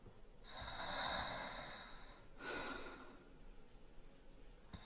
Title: Boyfriend sleeping while snoring lightly SFX